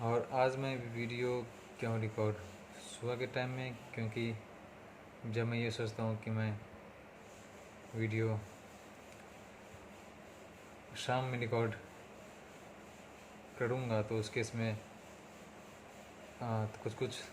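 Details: Hindi-speaking adult man on day 37 of speech therapy for his stammering: stuttering.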